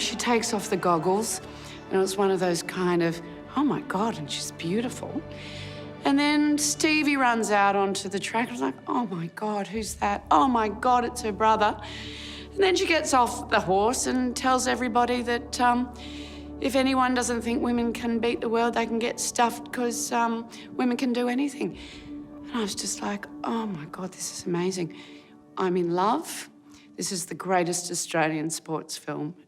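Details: Adult woman speaking; normal speech.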